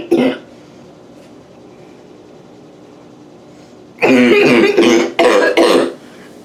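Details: Quick coughing fit in a bathroom: one cough, a pause, then a quick run of about four harsh coughs in a small echoing room. Eyes watering from gasping for air, with a little spitting.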